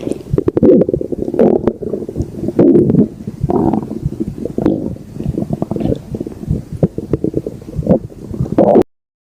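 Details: Stomach growling (borborygmi): long low rumbling and gurgling gut sounds with rapid bubbling, ordinary stomach growling.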